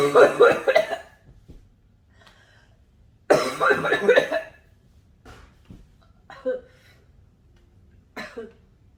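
Two bouts of harsh, throaty coughing followed by softer coughs and throat clearing: a smoker's cough.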